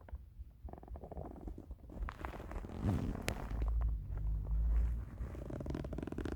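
Deep low rumbling and gurgling with some rustling noise; hunger stomach rumbling, a normal bowel sound.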